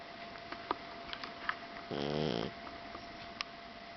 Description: this is how my blue persian tomcat sleeps :) and snores :D